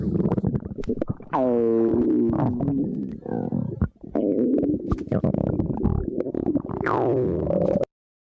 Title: Girlfriend's Stomach Growling